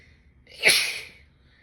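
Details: Woman with spring allergies, itchy nose and throat, no allergy medicine all weekend: a single sharp, forceful, wet sneeze with a hissing burst of air and brief lead-in breath; sneeze.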